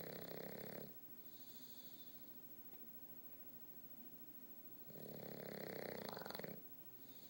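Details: Victorian bulldog napping, worn out after a bath: two long, raspy, buzzing snoring breaths with a pause between them; dog snoring.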